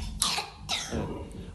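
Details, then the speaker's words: Child's whooping cough (pertussis): harsh coughs in quick succession, the typical paroxysmal cough of pertussis. "Bu aslında bizim son zamanlarda daha çok görmeye başladığımız boğmaca öksürüğü."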